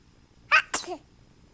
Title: Gentle sneeze